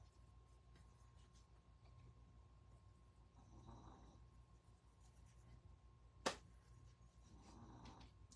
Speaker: you can hear my dog snoring back there